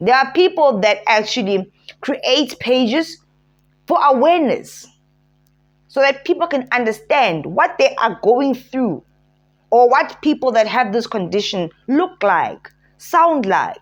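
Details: Adult woman speaking; no disorder (host).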